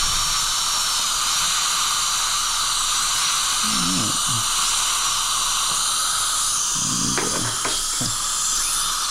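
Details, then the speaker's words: Steady high-pitched whine of a dental drill with coarse diamond bur roughening gumline abfraction lesions (class 5, no decay, grinding history) on crowned teeth 4 and 5 before glass ionomer fillings; low talk nearby; dental drill. "There's not really decay here, but I am going to create a little bit of micro mechanical retention. with the coarse diamond. Freshen up the dent just a little bit."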